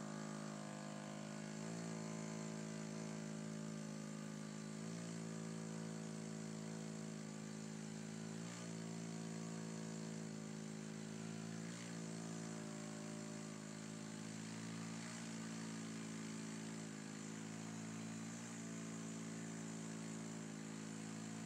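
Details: CPAP mask noise from a woman sleeping with her CPAP machine: constant low mechanical hum with a brief change about every three seconds, about 18 breaths a minute.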